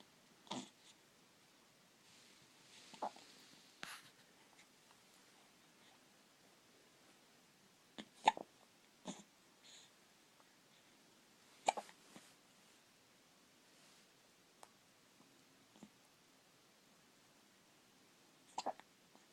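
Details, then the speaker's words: Baby with hiccups: brief, sharp, irregular hiccup jerks, about 18 a minute, with soft breathing in a quiet room; hiccups. "Poor hiccuping baby."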